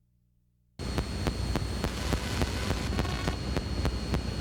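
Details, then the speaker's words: Needle EMG recording of artifact from a spinal cord epidural stimulator implanted in the patient: regular sharp clicks, about three per second, over a steady hiss, a rare stimulator artifact. "Other rare artifacts are artifacts from various stimulators placed in the patient. Again, a high index of suspicion is needed to ask a simple question. Any stimulator? Watch and listen to the artifacts from the spinal cord epidural stimulator."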